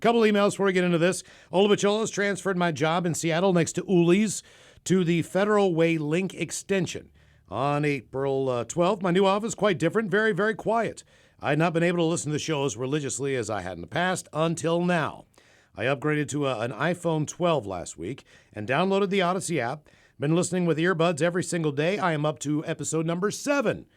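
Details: Adult male speaker; Normal speech.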